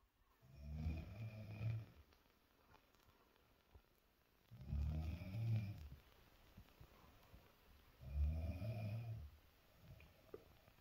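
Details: Snoring.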